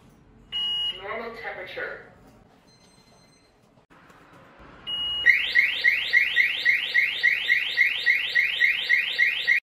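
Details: A short beep, then a rapid repeating high-pitched alarm, about 200 pulses a minute, from an Innotronik K3 Pro voice-broadcast infrared thermometer signalling a high temperature reading; a normal-temperature readout came just before.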